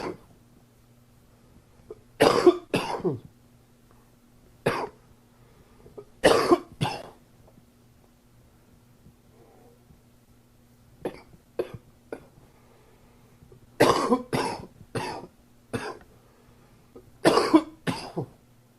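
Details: Summer cold cough: dry, sharp coughs in short bouts of two to five, about fifteen in all.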